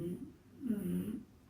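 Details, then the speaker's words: Low, rumbling snores, one brief and one longer, from a sleeping dog in a quiet room; ordinary snoring. "Oh my gosh, Ollie's really snoring."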